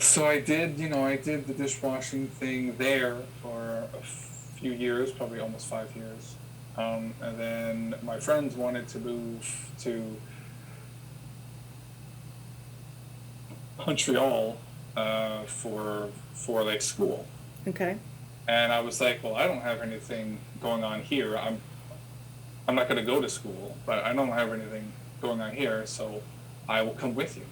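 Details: Adult man who has stuttered since he could talk, had school speech therapy as a child, with father and older brother who also stutter; stuttering.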